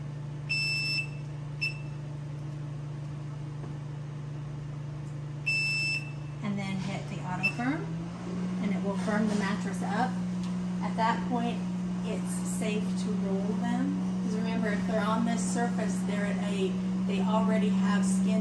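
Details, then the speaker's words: Immerse specialty pressure-redistribution rental bed: the auto-firm button, used before procedures, x-rays or repositioning, is held about five seconds until it gives two short beeps over a steady motor hum. "it is important that we use that autofirm feature and again you would hold the button for about five seconds until it beeps"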